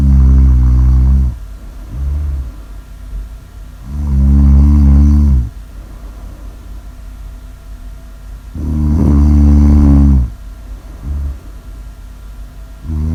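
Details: Loud, low rattling snores on each in-breath, roughly 14 breaths a minute, with quiet exhales between; heavy snoring.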